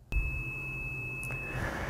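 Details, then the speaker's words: Hearing Assist ReCharge Plus Bluetooth over-the-counter hearing aid tested for whether digital feedback suppression kicks in: a steady, high-pitched whistle lasting over a second over low hum; feedback that the suppression does not appear to stop. "Now, you can only do that so long before you actually get a hearing loss, but what I'm doing is I'm seeing if their digital feedback suppression actually kicks in at any point, and I can't tell that it actually does."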